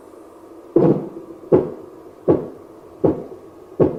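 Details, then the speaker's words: Simulated Korotkoff sounds from an adult auscultation training manikin's arm, cuff inflated past 200 and slowly released, played via external speaker: regular soft thumping taps about 79 a minute. "simply squeeze fill the air in the blood pressure cuff past 200 slowly allow the air to release and listen for the 5 kurodo cough sounds"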